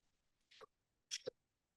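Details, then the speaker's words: During a neurointervention lecture Q&A, an adult clinician voices two breathy whooshing bursts to imitate the rhythmic whoosh patients hear with pulsatile tinnitus, contrasted with regular tinnitus. This is a vocal imitation, not a real recording. "I think the pulsatile nature of the sound that the patients perceive is significant"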